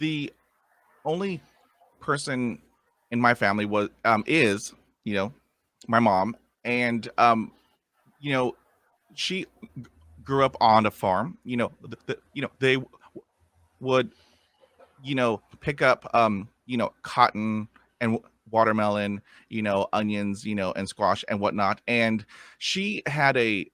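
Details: Man of about 50 who has stuttered since childhood and still has blocks and repetitions.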